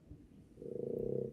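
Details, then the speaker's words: A dog snoring while asleep in the room during a live podcast recording: a low, rattling, froglike croak that builds through the second half of the brief clip. "can you guys hear my dog snoring I could definitely hear it"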